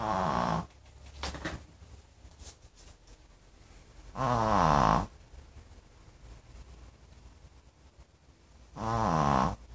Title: Funny Dog Snoring, 강아지 코고는 소리